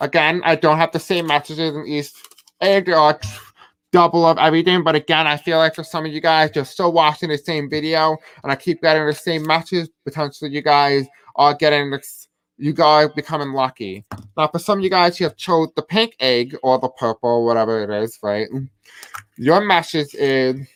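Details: Deaf speech (deaf accent) from a man who says he has a deaf accent and may have difficulty pronouncing certain words.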